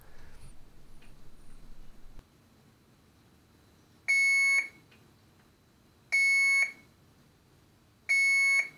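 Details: Three loud, high-pitched beeps about two seconds apart in a quiet room: audible alarm test of an Alaris 8015 PC unit (infusion pump) during preventative maintenance with the Alaris software tool.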